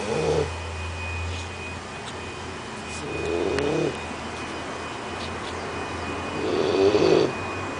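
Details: 12-week-old Leonberger puppy sleeping after a morning at the park: three rough, rattling snores about three seconds apart over a steady low room hum.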